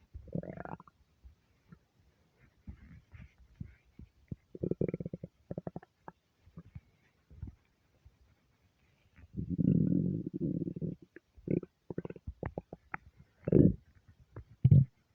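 Irregular low gurgles and rumbles from the belly, some short and some drawn out, in a quiet room; ordinary hunger rumbling.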